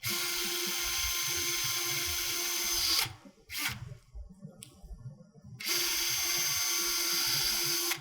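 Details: Surgical wire driver advancing a guide wire into the upper sacral segment of a dysmorphic pelvis during CurvaFix Low Profile implant fixation of a posterior pelvic ring: a high-pitched powered whine in two bursts separated by a brief pause.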